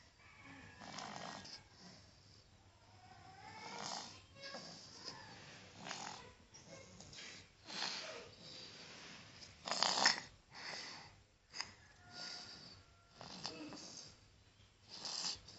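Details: Child snoring during a cold with cough and obstructed breathing: soft, uneven snoring breaths with a rattly, congested edge over faint background noise.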